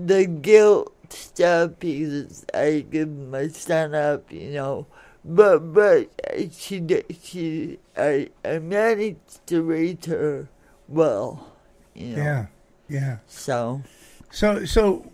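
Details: Adult woman born in 1959 with cerebral palsy from oxygen deprivation to the brain during delivery, affecting speech and motor skills; some listeners find her hard to understand; dysarthria.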